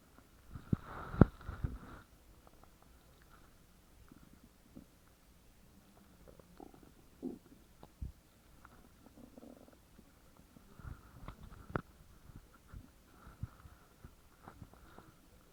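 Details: A female friend's very loud stomach growling: a loud gurgling growl early, then scattered softer squelches and pops from moving gas and fluid.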